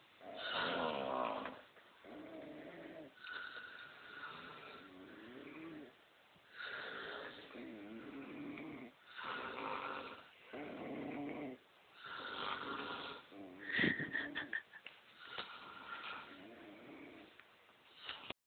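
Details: Two people in a snoring contest at camp: loud, rattling snores with each breath, some with a whistling edge, separated by brief pauses.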